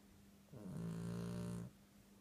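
A single low, buzzing snore lasting about a second in a quiet room.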